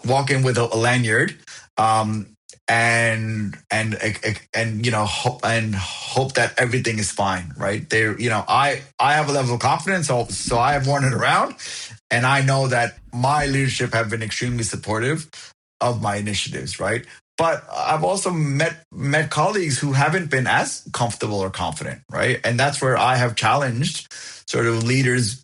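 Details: Adult man living with a stutter, speech blocks and covert versus overt stuttering discussed, found a support group at 28, speaking in a podcast interview; stuttering.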